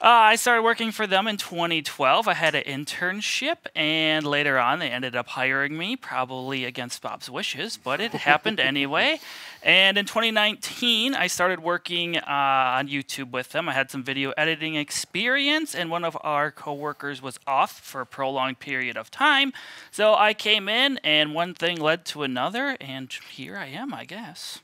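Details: Adult man speaking; normal speech.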